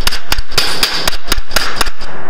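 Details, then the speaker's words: Femoral impaction broaching during anterior-approach total hip replacement on a male patient: loud, sharp, regular mallet blows, about nine in two seconds. The tone and volume change as broaching nears completion, up to the final size-6 broach bottoming out. "This is impaction broaching, so you don't rasp. You can hear the volume and the tone of the impaction changing, and that tells you that we are nearly finished."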